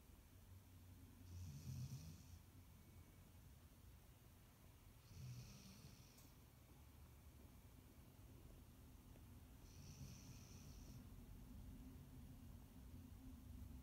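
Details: Snoring: three low, rumbling snores about 4 seconds apart, each with a short wheezy hiss, against a steady background hum; regular snoring.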